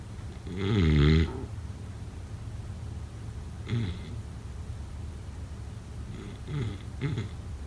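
One loud, rattling snore followed by shorter, softer snoring breaths against low background noise: sleep snoring.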